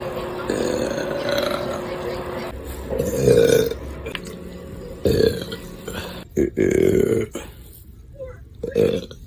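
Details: Burp compilation of several loud, low, drawn-out burps with pauses between them, some voiced and gurgling; repeated belching.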